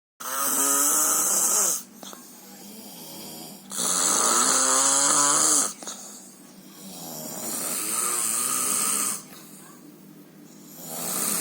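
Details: Loud, rough, rattling snores on each breath in, about 17 breaths a minute, with quieter breathing out between them, from a sleeper snoring so heavily it is likened to a dinosaur.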